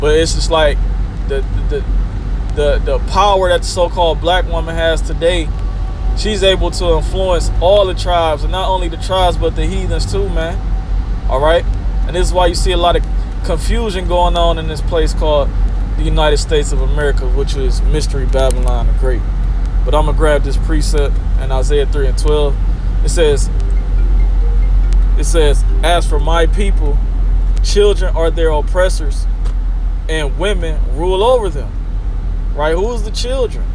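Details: Man who acknowledges his own stuttering, heard repeating a word several times in a row; stuttering.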